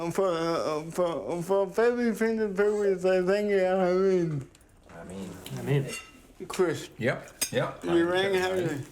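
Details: 32-year-old man born with cerebral palsy, dependent on 24-hour care, with slurred speech that worsens when tired: dysarthria (cerebral palsy)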